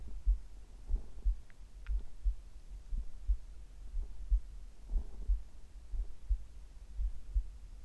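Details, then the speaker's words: Steady, slow heartbeat of about 60 a minute with occasional stomach gurgles in between, heart and bowel sounds recorded simultaneously: heart sounds with bowel sounds. "今日はリクエストにありましたお腹の音と心音を同時に取っていきたいと思います。"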